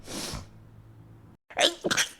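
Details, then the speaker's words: Streamer who says she has rhinitis and allergy in a stuffy, warm house announces a sneeze; breathy inhaled build-up, brief pause, then sharp explosive sneeze with a short trailing burst: sneeze. "Peraí que eu vou espirrar. Caralho."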